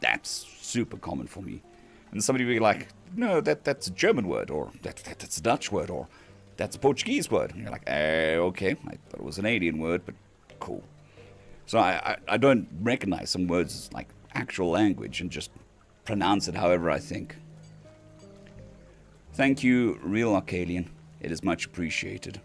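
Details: Male patient recovering from vocal cord surgery, cords mostly healed but with lost strength and stamina, physiotherapy pushing the voice, laryngitis-like quality; dysphonia after vocal cord surgery.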